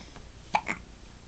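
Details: Baby who has just eaten, lying kicking with a clean diaper: two quick, sharp hiccup sounds a moment apart in a quiet room; ordinary hiccups.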